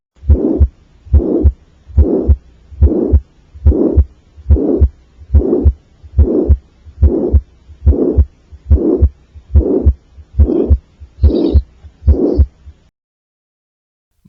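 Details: Child's ventricular septal defect: harsh murmur.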